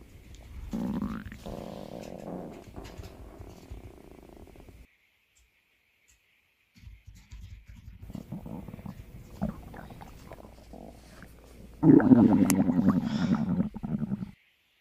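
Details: Sleeping cat's stomach growling (borborygmi): low gurgling rumbles, then a louder bubbling growl after a quiet gap, a normal gut sound.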